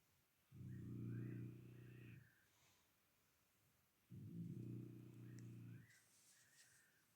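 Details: Night-time snoring heard against a nightjar's call: two long, low, buzzing snores on the in-breath, with a faint bird call in the background.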